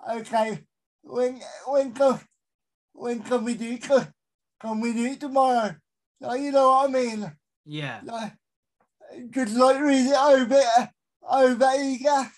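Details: Adult male with a severe type of cerebral palsy; dysarthria due to cerebral palsy.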